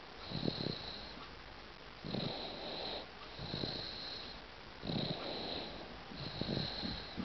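Soft, rattly snoring with each breath, about five breaths in seven seconds, over a steady high-pitched background tone.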